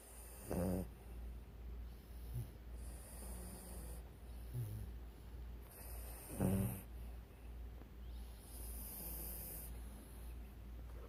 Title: Cute Dogs Snoring